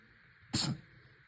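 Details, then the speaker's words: Pet opossum sneezing during a sneeze fit, with the owner suspecting something stuck up his nose: a single short, sharp, hissing burst of air against quiet room noise. "Bless you, Bubba. Wow. Okay. Percy. I think he's got something stuck up his nose."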